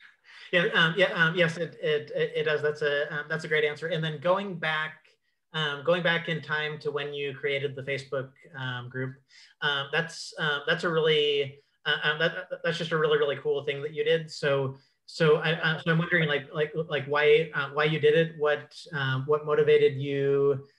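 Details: Adult male who describes himself as a clutterer; repetitions and fillers heard; cluttering.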